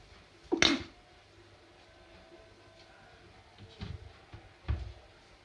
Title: Sneeze 2 times